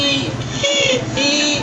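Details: Continuous high-pitched musical whistling tones repeating with each breath; polyphonic wheeze from narrowed small airways, presented in respiratory physical examination teaching.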